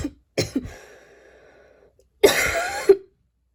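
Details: Coughing while studying, recorded last week: several sharp coughs, one followed by a drawn-out raspy breath and another long harsh burst; a forceful cough.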